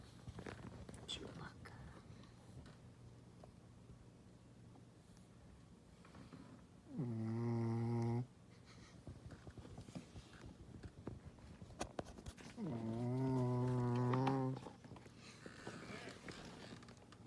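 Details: Pet sleeping deeply, two long, loud, honking snores about six seconds apart with quiet breathing and room noise between; tonal snoring during sleep.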